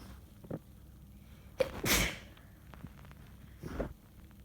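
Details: Sneezing fit during a bad cold: a sharp, explosive sneeze with a breathy lead-in and a softer follow-up burst; the first sneezes went into a tissue, later ones into a sleeve, and the last two were uncovered.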